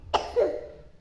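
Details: Young child sick with a cough, lying down resting with father: a single wet-sounding cough burst followed by a brief voiced exhale.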